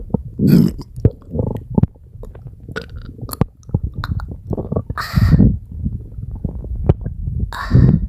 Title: Huge burps and stomachache sounds 😭😭💓💓